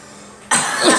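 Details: Single loud, harsh cough burst after a quiet moment, from a person saying they have colds and sinus infections, not the flu; cough.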